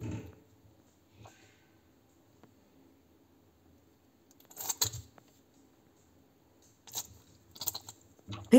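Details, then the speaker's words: Cat with open mouth breathing: quiet stretches broken by brief harsh snorting bursts, upper airway noise produced by retrograde swallowing of nasal discharge, presented in a veterinary endoscopy webinar on laryngeal disease. "noise in the in this cat is produced by the retrograde swallowing of nasal discharge we have open mouth breathing in all of these cases"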